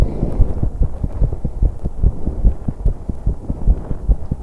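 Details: 21-year-old female on an exercise bike, recorded to capture breathing too: fast steady heartbeat about 140 per minute under heavy breath noise; heart sounds during exercise.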